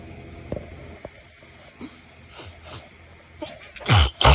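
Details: Bedtime stifled sneezes, trying to stay quiet so as not to wake a sleeping partner: soft catching breaths and muffled puffs, ending in two stronger stifled sneezes against low room hum.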